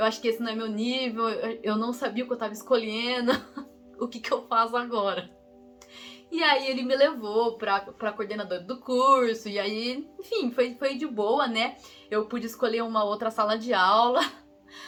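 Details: Young woman, real person who stutters, Portuguese speaker recalling an exchange trip she took at age 16; stuttering.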